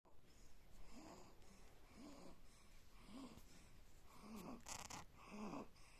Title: snoring 🤪 while sleeping 💤💤